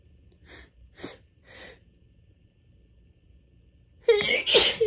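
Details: A few soft, catching, itchy build-up breaths, then a quick run of forceful sneezes, recorded just before bed during a week of bad allergies: an allergic sneezing fit.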